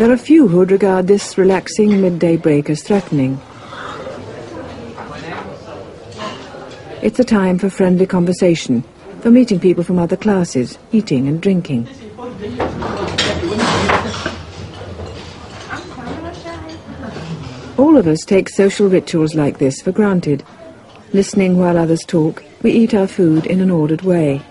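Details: Adult male narrator; normal speech.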